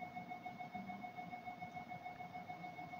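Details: Steady, rapidly pulsing electronic tone with a high constant whine from a GE HDxT 1.5T MRI scanner running a dynamic contrast brain perfusion sequence of 40 dynamics; MRI acquisition noise.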